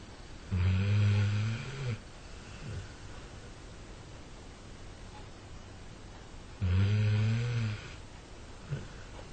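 Two deep, low rumbling snores about six seconds apart over a steady room hiss; ordinary dog snoring.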